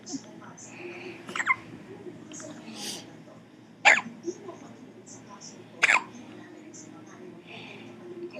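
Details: Two sharp, abrupt gulping catches about two seconds apart against quiet room noise: hiccups.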